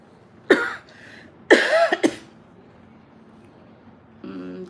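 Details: Three short, loose coughs from an adult woman, last two close together, then a brief voiced sound; she has a cold with hoarse voice after rainy weather, taking medicine and a Vicks lozenge.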